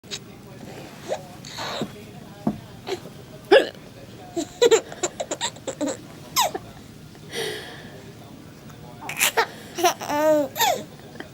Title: Baby laughs at mom´s hiccup